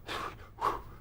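Two soft, breathy swooshes made by mouth, imitating the high-pitched swish of a mitral valve murmur.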